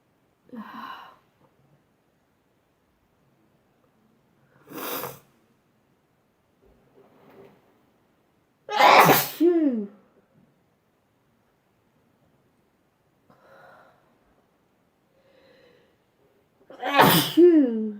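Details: Several separate sneezes, some with a loud voiced 'achoo', with quiet intakes between them, from a compilation of ordinary sneezing.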